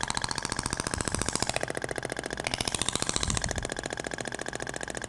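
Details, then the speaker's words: Ibramed Thork radial shockwave device applied with gel over a patient's abdomen, avoiding the navel: rapid, regular tapping bursts; the sound differs between the polyacetal and stainless steel tips. "vai pro outro sentido até o barulho é diferente da pompea de po acetal PR inox"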